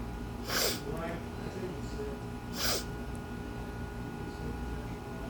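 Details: Stifled allergy sneezes deliberately held in during a voice lesson at a music school: two sharp, muffled nasal bursts about two seconds apart over steady room hum.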